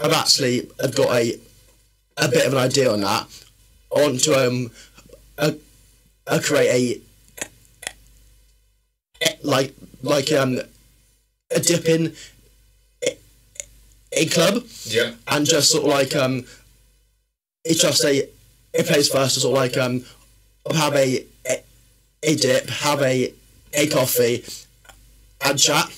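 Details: Adult male with a stammer since about age six, worse in secondary school, improved after leaving the army, and worse when tired, stressed or nervous; stuttering (stammering).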